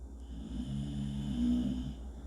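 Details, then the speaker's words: Dog sleeping by the door, snoring, recorded incidentally. "who dread he's sleeping by the door okay well i'm not gonna wake him up so sorry guys i hope it doesn't bother you to hear my dog snoring"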